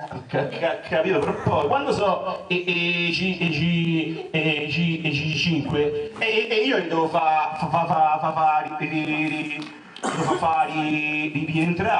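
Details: Acted stuttering performed in an Italian comedy cabaret sketch about a stutterer's jobs, with repeated sounds and syllables; stuttering (acted)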